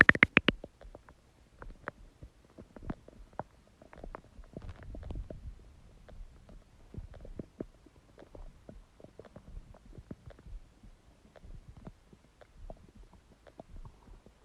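Irregular gurgles, pops and low rumbling from the abdomen: stomach growling, ordinary bowel sounds of an empty stomach.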